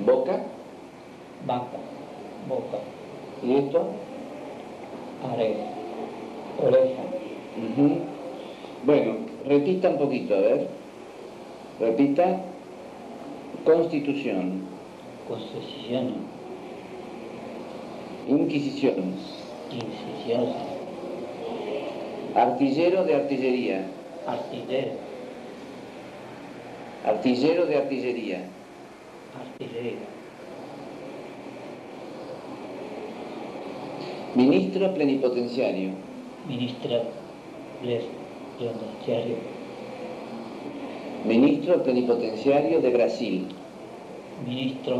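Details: Broca's aphasia patient repeating words and phrases, with initial paraphasia (boca -> baca), deformed and truncated words and increased speaking effort; Broca's aphasia with impaired repetition.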